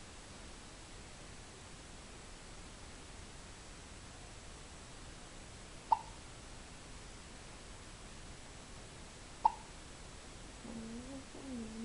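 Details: Baby with hiccups: two brief, sharp hiccup sounds a few seconds apart over quiet room noise, then a short whimper.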